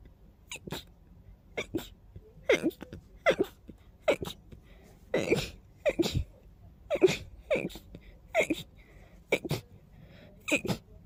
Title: Fast Teasing Sneezes